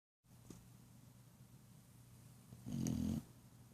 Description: Just my silly boy snoring